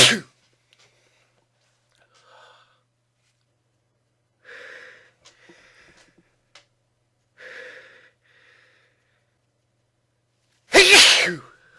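Two loud explosive bursts at start and end with quiet breaths and soft noises between; sneezes.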